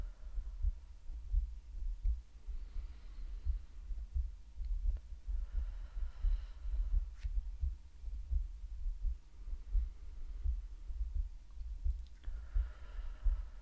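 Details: Woman's heartbeat in an ASMR medical roleplay, with breathing and whispering: soft, steady low thumps at about 86 beats a minute under a faint hum, with occasional soft breaths; normal heartbeat.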